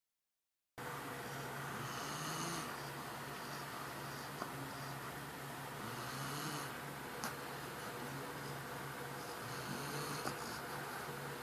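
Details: A baby and a companion on his second night in the home, both sleeping and both snorers: soft, rhythmic snoring with a quick whistling, snorting quality over a steady room hum.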